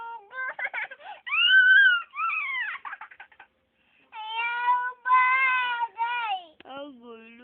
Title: crying baby